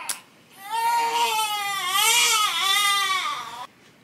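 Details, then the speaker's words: A 2-month-old baby girl's sustained, strained cry, rising and falling in pitch, at night while hungry and fussy during bottle feeding; she gulped an ounce while crying and then vomited it; hungry infant cry. "she chugged an ounce but she was like crying at the same time"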